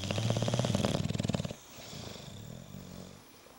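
Loud, rough, rattling snore from a bulldog, fading into softer noisy breathing; snoring typical of a flat-faced breed's narrowed airway.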